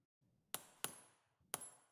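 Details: Demonstration of revision cervical total disc replacement on a headless model specimen. Three sharp metallic mallet taps, each with faint ringing, seating the cervical disc implant.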